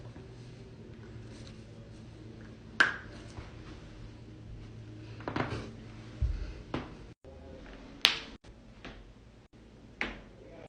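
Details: Compilation of loud back cracking during manual adjustment: a few sharp, separate cracks and pops over quiet room noise; joint cavitation.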